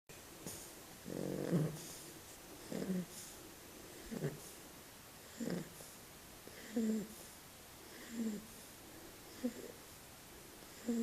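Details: Shar-pei puppy snoring sweetly in sleep: soft rhythmic snoring with snorting breaths at about 10 to 11 a minute; ordinary puppy snoring.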